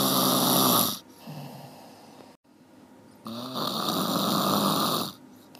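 Two loud, rough, vibrating snores on breathing in, separated by a quieter pause; ordinary snoring.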